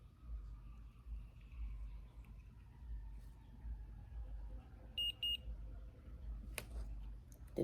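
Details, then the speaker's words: Two short, high electronic beeps over quiet room noise from an Omnipod insulin pod, confirming it was filled correctly with insulin before it is placed on a child's arm. "two beeps that mean that is good"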